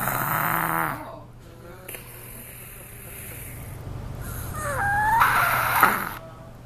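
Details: Snoring in a 3-year-old girl: soft snoring breaths with a faint whistling tone, in a room with background hum.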